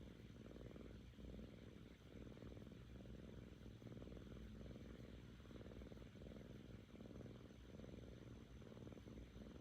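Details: Seven-month-old female cat purring when happy, recovering from ear mites: steady low rumbling purr rising and falling with each breath, not snoring; cat purring.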